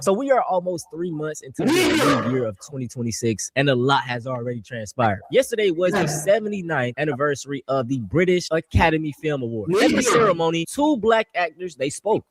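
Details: Adult speaker; normal speech.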